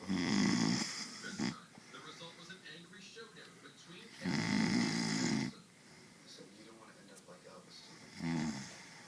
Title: snoring....